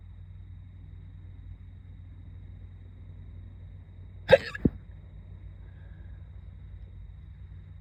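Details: Two short, sharp hiccups close together against quiet car noise; hiccups that started while a student was doing makeup in the car before school.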